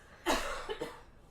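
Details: An adult woman on a podcast mic, who has been trying to hold back coughing that she says sounds like wheezing, gives one strong, harsh cough followed by two softer coughs in a quiet room.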